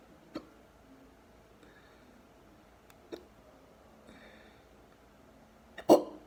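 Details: Quiet room with brief, sharp, deep throat catches every few seconds, the last one louder and deeper; deep hiccups.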